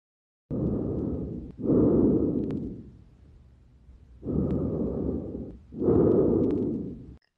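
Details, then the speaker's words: Lung auscultation teaching recording: soft, low rustling breath sounds over two full breath cycles; normal vesicular breath sounds. "y ausculta con mayor claridad sobre el manubrio este mal y la región interescapular así se escucha el sonido de circular normal"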